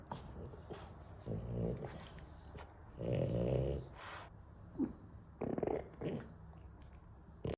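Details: French Bulldog making irregular snorts and snuffling nasal sounds with soft grunts between them, amid faint room noise; snorting.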